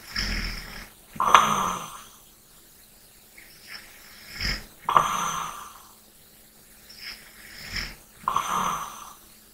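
Rhythmic snoring, about one rough snore every three to four seconds, with softer breaths between: snoring during sleep.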